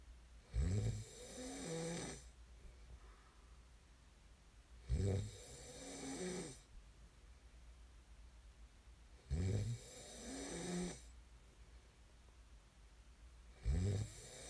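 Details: Loud rattling snores on each in-breath at about 14 breaths a minute, with quieter out-breaths between; snoring during sleep, from an ASMR snoring recording.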